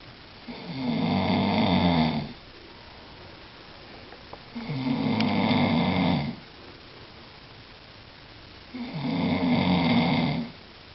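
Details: Person snoring loudly in sleep at night, recorded by someone it kept awake: three long, rough, rattling snores, each about two seconds, at roughly 15 breaths a minute, with quiet pauses.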